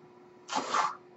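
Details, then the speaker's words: The speaker's own mechanical ventilator, recorded as he begins talking: a brief half-second whoosh of rushing air over a steady low room hum as a breath is delivered. Mechanical ventilator breath sound. "That noise you're hearing is my ventilator. And thank you for tuning in to Page Turners, They Were Not, my Star Wars podcast."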